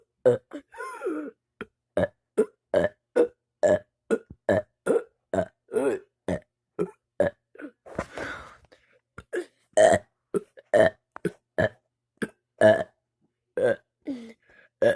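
Rapid run of about thirty loud, low, throaty burps in close succession with brief pauses, repeated belching.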